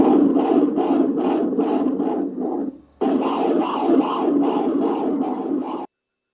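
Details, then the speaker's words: Transvaginal ultrasound of a single intrauterine pregnancy at about 6 weeks (6w2d–6w4d): rapid, regular whooshing Doppler pulses of fetal heartbeat at 125 bpm, normal fetal cardiac activity. "the Doppler Spectrum shows typical sound and auto measurement of the fetal heart rate as in this case this is 125 beats per minutes"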